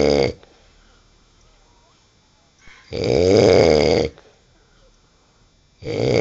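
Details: Loud, rattling snores about one second long, separated by two-to-three-second pauses with a faint hiss, from a man asleep after drinking; snoring.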